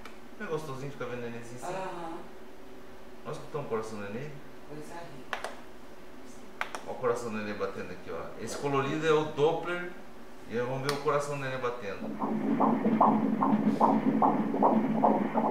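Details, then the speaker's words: Normal fetal heartbeat at 13 weeks of pregnancy (first child) during ultrasound Doppler: speech gives way to rapid, regular whooshing pulse, heart rate stated as 149 beats per minute. "El ritmo cardíaco está 149 a merced, se me olvidó quitar el dibujo de arriba 149, mire ahí 149 mire el bebé ahí acostado"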